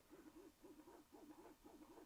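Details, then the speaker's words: Medela Symphony hospital-grade double electric breast pump in its two-minute stimulation phase, a demonstration for a mother separated from her baby: fast, steady rhythmic whooshing pulses as the pump cycles quickly. "close this works on the stimulation phase for two minutes you can increase that stimulation phase by moving"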